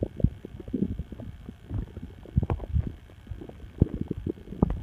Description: My stomach started going nuts, so I made this recording.